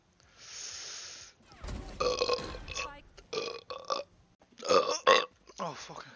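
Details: Compilation of a streamer's burps: several long, loud, voiced belches with groaning and background talk, repeated belching.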